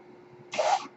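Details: Speaker's own mechanical ventilator heard while he talks on a podcast: a brief airy hiss with a faint tonal whistle rises from a low steady hum and fades within a second, one ventilator breath cycle.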